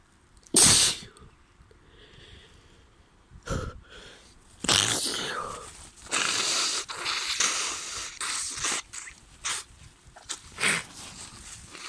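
One loud, sharp sneeze, followed by a run of hissing, wet nose blows and sniffs, fitting sneezing and nasal congestion from a cold.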